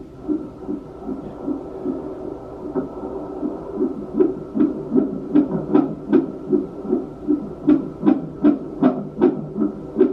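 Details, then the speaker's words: Strong fetal heartbeat on a Doppler during a pregnancy check; rapid, regular whooshing pulses about 150 a minute. "that's a good heart Barry"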